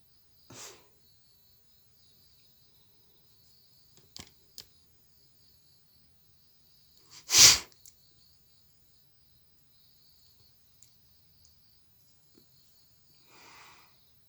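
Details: Acted sneezing in a sneezing and nose-blowing challenge: a single loud, sharp sneeze burst with a few faint sniffs and a softer blow or exhale.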